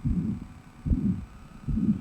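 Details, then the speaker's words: Demonstration of a mitral regurgitation murmur, a mitral valve that no longer closes tightly so blood flows back into the atrium: low heartbeats about 75 a minute, each blurred by a turbulent whooshing murmur instead of crisp valve closures. "so with that mitro valve having those issues that blood is going to flow back into the atrium as it flows back it's going to be turbulent sounding and so you're going to hear that were okay that's bad"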